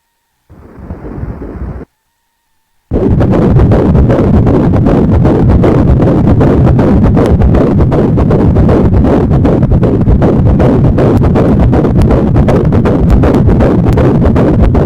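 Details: Fetal heartbeat on ultrasound Doppler at 16 weeks of pregnancy: fast, regular whooshing pulses at about 155–160 beats a minute.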